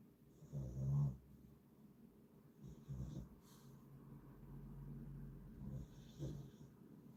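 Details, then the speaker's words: Sleeping male dog snoring, with low rumbling snores, three breaths over about seven seconds, then stopping; faint room noise; ordinary dog snoring. "Yeah, can you hear him snoring? He's just stopped again. He's a mere amateur at snoring compared to Spike, the snoring Stavvy."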